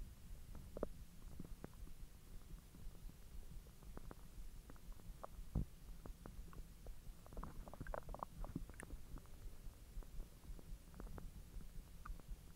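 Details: Bowel sounds (borborygmi) after eating hotdogs following a 10-hour empty stomach: quiet, frequent irregular clicks and gurgles over a low hum, normal digestion.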